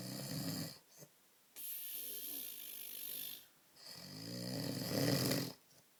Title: snoring, dribbling man, sooooo funny!!